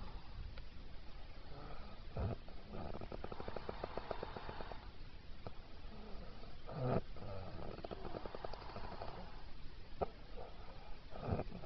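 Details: Snoring during sleep: soft, low rattling breaths repeating in slow cycles over steady room noise.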